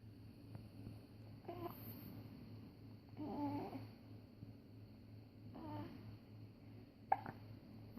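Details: One-month-old infant with hiccups.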